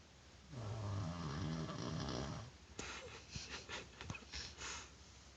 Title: Roncando